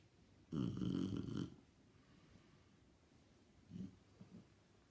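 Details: Shar pei dog snoring while asleep: one rough, fluttering snore followed by faint snuffling breaths.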